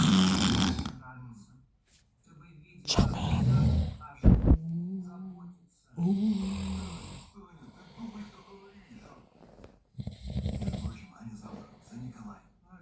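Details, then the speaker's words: Loud, rough snoring in low rumbling bursts, each followed by quieter breathing, from a sleeper lying down after the pool; said to snore ten times louder when fully asleep. "вот это он так тихонько спит ребята когда он спит не тихонько в 10 раз громче"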